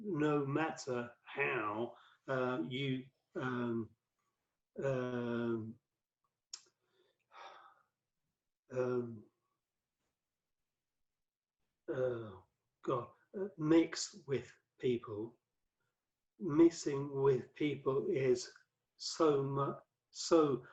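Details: Adult male, five strokes (2007–2015), cerebral amyloid angiopathy; massive 2013 stroke left him paralyzed and unable to speak for about three months; worse with tiredness or stress, with reading and writing difficulty; aphasia (word-finding difficulty, non-fluent speech).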